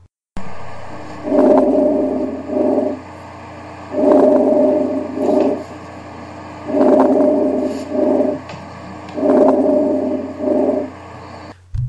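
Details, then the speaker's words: Normal breath sounds near the lung bases in someone without asthma: four regular breath cycles with soft rustling sounds. "here's an audio here's what normal lung sounds are like near the bases in someone without"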